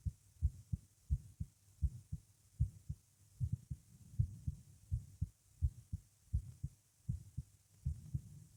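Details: Strong, regular paired heartbeats at about 85 a minute with a faint murmur between them, recorded lying down with a visible neck pulse and palpitations; heart murmur.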